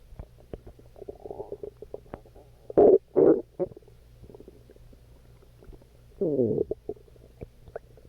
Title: Calming Stomach Growling